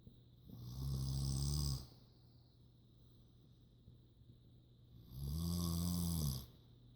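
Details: Two long, low, rattling snores about four seconds apart from a sleeping mother, with cats sleeping nearby and quiet room noise between: snoring.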